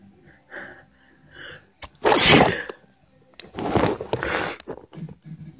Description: final "sneeezing on a picture frame" i got a request to do a series of me doing this so if you dont like it dont watch